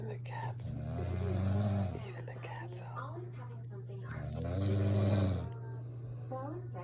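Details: Adult woman snoring at 2 a.m., loud enough to wake spouse and cat: two long, low, rumbling snores about four seconds apart, faint room noise between. Snoring.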